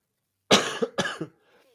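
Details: Two quick, harsh coughs in a row, each followed by a short rough catch, from a podcast host recovering from a second round of illness after travel; cough.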